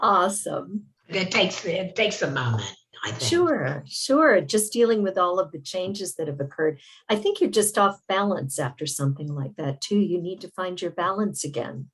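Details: Adult speaker; typical speech.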